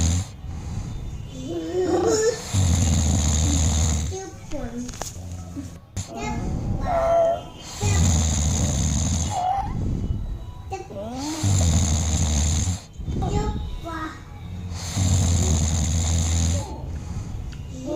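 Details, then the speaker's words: Young child imitating father's snoring: four loud, low, rattling snore bursts separated by pauses and adult voices; imitated snoring. "पापा कैसे खराटा लेते? कैसे लेते हैं? हाँ कैसे कैसे लेते खराटा?"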